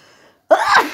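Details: Faint in-breath, a brief pause, then one loud explosive sneeze.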